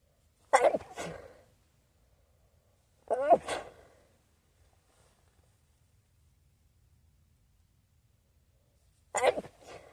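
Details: Sneezing into a new feather pillow that seems to irritate the nose: three separate sneezes, each a sharp burst followed by a brief trailing breath, with quiet pauses between them.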